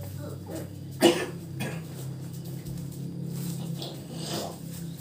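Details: A single short, dry cough over a steady low room hum with faint talk nearby, from a patient with shortness of breath receiving alternative nerve-pressure treatment: dry, non-productive cough.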